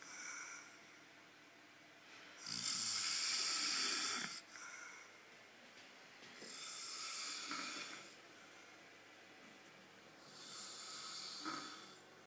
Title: Snoring Husband